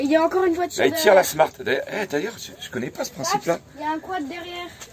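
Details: Adult speaker, French; ordinary conversational speech.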